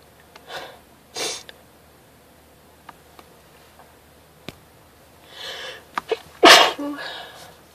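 A few sharp, breathy sneezes, the last one loud and forceful, with short inhalations before them.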